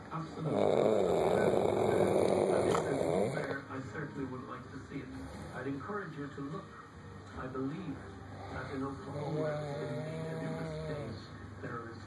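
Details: Person sleeping on a couch: one loud, rough snore, then quieter breathing under television speech and music; snoring.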